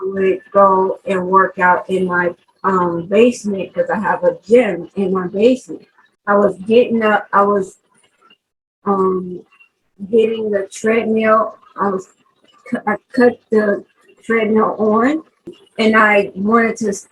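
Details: 43-year-old woman who had a stroke in 2020, lost the ability to talk and has had several speech therapists, real post-stroke aphasia.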